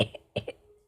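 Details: Cough from a person who says they feel sick, with a headache, at night.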